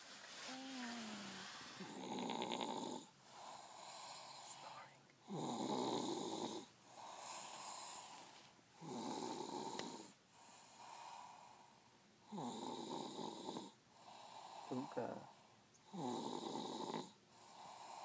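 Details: Snoring: steady rhythmic snores at roughly 17 breaths a minute, each with a buzzing, slightly whistling tone, and softer breathing between.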